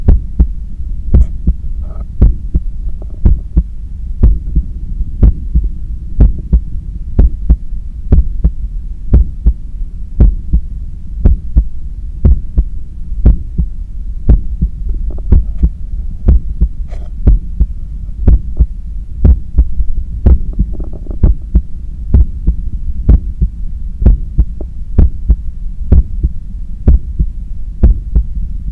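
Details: Normal heart sounds heard at the neck pulse of a runner cooling down after a 10 km run: steady, regular thumps at about 60 a minute over a low hum, with no added sounds.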